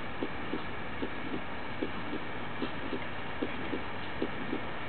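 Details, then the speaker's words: Simulated severe aortic stenosis on an auscultation manikin, heard at the aortic area: harsh systolic murmur throughout systole, late peaking, ending at S2, about 75 beats a minute. "note that the murmur is throughout systole with late peaking ending at s2"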